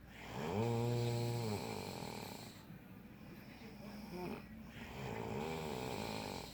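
Droning, buzzy snores that rise and fall in pitch, with a whistling edge in between; snoring.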